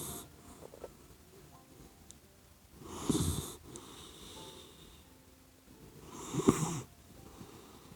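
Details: Sleeping puppy dog snoring like a human; two noisy snorting breath sounds about three seconds apart in a quiet room.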